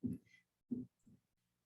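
Low, dull thumps in a lub-dub rhythm, replayed through a speaker with faint room hum; normal first and second heart sounds.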